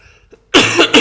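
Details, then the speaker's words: Short harsh adult cough with a second burst starting at the end, from a speaker still recovering from illness and not fully well. "I'm I'm still not 100% guys. As you can hear, I'm still coughing a bit, but I think it's very reasonable."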